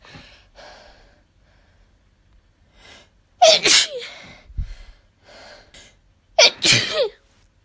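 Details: Soft breathy intakes from a nose tickle, then two loud explosive sneezes a few seconds apart; sneezing.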